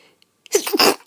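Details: Person feeling run down and unwell, with some coughing and hoarse speech: a short intake of breath, then one sharp, high-pitched sneeze burst.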